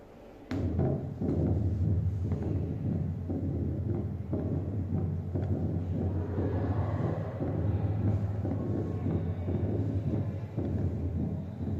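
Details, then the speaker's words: Teaching recording for valvular heart disease: recurring heart thuds over a continuous low rumble through room noise; mitral stenosis with opening snap before a low-pitched diastolic rumbling murmur. "Está el primer ruido y ahora traten de detectar dónde está ese chasquido. Si escuchan que antes del soplo se escucha un tutú."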